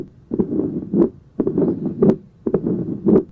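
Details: Tricuspid stenosis: rumbling murmur similar to mitral stenosis but best heard over the tricuspid area, with intensity varying with inspiration and expiration.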